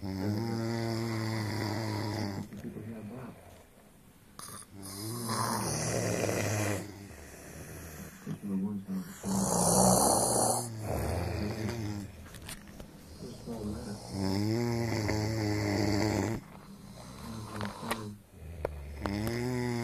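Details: Two sleepers snoring together: loud, drawn-out rattling snores with a buzzing, fluttering quality, overlapping in long cycles; heavy snoring.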